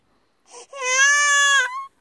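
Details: Baby girl cries when her dad stops swinging her: a brief breathy intake, then one sustained, clear infant cry of about a second.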